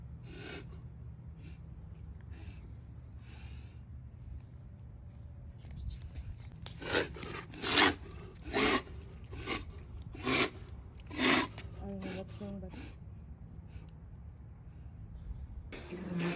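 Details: A female Alaskan Malamute makes a run of about seven loud, harsh snorting inhalations in quick succession: reverse sneezing. The vet said it was nothing to worry about but diagnosed a cough issue and gave antibiotics and cough medicine.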